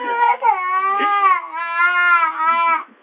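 Sustained, strong, even-pitched wailing cry with brief breaks for breath, a typical infant cry.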